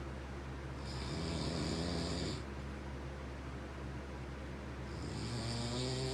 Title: Snoring is whack